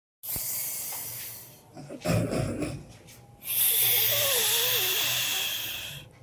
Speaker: দিয়া শুই, বাপরে বাপ কি নাক ডাকছে, উরে বাপরে বাপ, পাদের গন্ধ, ওর বাপ।